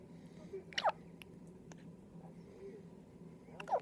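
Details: Newborn's first hiccups in the hospital: short, sharp catches of breath about three seconds apart over faint room noise.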